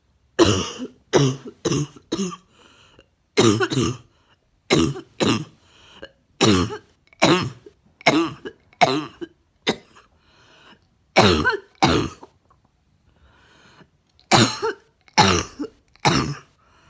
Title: Ugh coughing